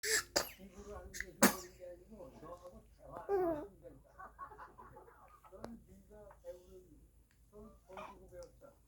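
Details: Infant sneezing in a baby boy born in 2024, recorded April 30, 2024: two quick, sharp sneezes near the start, followed by soft adult talk in a small room.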